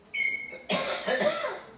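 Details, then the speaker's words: A short rough cough, followed by throat clearing, in a room, from a man noted to have been coughing the previous year too; a cough. "Et je me rappelle que tu toussais. Il faut que je te donne du thym avec de l'aubépine."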